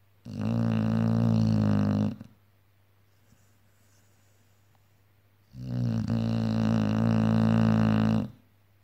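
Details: Pitbull dog snoring: loud, drawn-out buzzing snores about two seconds long separated by quiet pauses of roughly three seconds; snoring.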